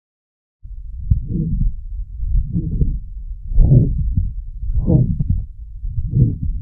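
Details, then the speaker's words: Teaching audio example of pulmonic stenosis: slow regular heartbeat, about 50 a minute, with a harsh rasping systolic murmur and an ejection click; a thrill is described at the upper left sternal border. "Pulmonary stenosis causes a decrease in cardiac output and the client will have a harsh systolic murmur and ejection click."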